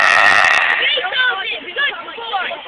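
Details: Female friend deliberately burping while others urge her to keep going: a long, drawn-out, rumbling voiced belch lasting a couple of seconds.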